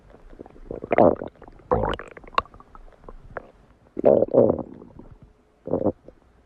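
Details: Stomach growling (borborygmi): several short gurgling, squeaky rumbles separated by quiet gaps.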